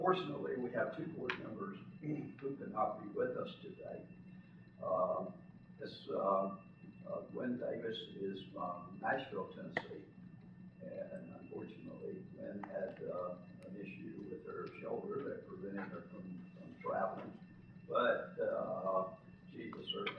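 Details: Spasmodic dysphonia in a man who lives with the voice condition himself.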